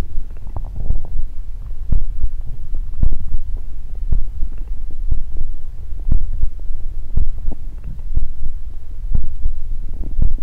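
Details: Stomach growling recorded close up for body-sound ASMR: low, deep rumbling and gurgling with soft irregular thuds.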